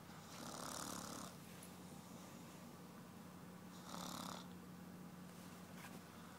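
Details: Two long, rough, noisy snoring breaths from an adult woman, a few seconds apart, over a steady hum in a quiet room.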